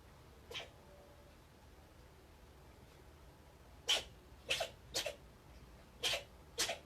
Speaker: I don't know if you can hear that, but that's my cat sneezing. He just sneezed like 5 times. It was very weird.